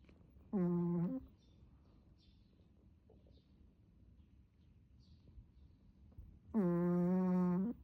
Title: snoring and the tongue